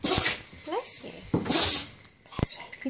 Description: Gromit is so cute when he sneezes. I love his Sneeze face, so funny!